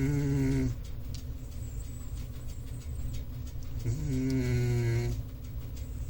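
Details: A big male cat snoring while sleeping.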